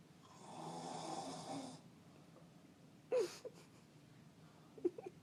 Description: Listen closely! Snoring and moaning. Lol.